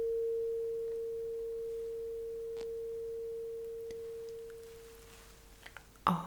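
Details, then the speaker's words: Struck tuning fork placed behind the ear on the bone rings as a steady pure tone that slowly fades, in a simulated ASMR roleplay cranial nerve exam bone conduction hearing test. "So, now let me use this turning fork. Do you know what it is and how I supposed to use it? Well, so what I'm going to do is to put it right behind your ear."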